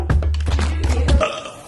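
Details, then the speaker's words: Deep, rumbling, drawn-out belch over faint background sound, during a burping contest with friends; burping. "Yeah, so it goes, you know? I have a baby. Everyone's fucking burping."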